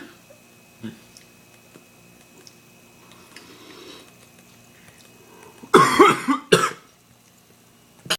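After several quiet seconds of faint room noise, two loud, harsh coughs come close together, with a brief third sound at the end; ordinary coughing.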